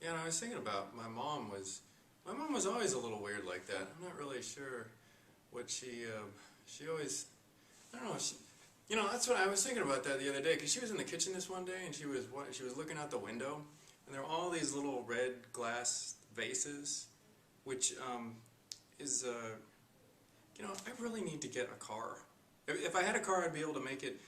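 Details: Acted client demonstrating flight of ideas, multiple spontaneous thoughts without obvious connection, as seen in manic states; flight of ideas (acted).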